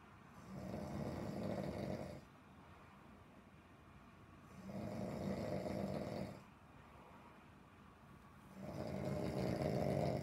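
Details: Deep, heavy snoring: rough, low snores on each breath in, about three in ten seconds, with quiet pauses between them.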